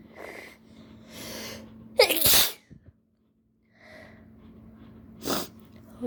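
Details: Sneezing with allergies after opening new chickpea: breathy build-up, then one loud forceful sneeze, more catching breaths, and a second smaller sneeze; the nose tickles and burns.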